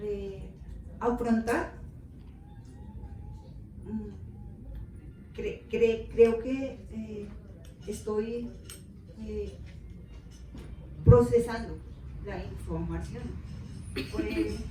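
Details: Adult woman with aphasia after a stroke, describing several hard years of rehabilitation before recovering; aphasia.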